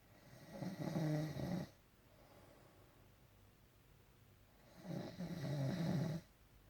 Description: He wants to bring down our house, help, help lol. 24/7 snoring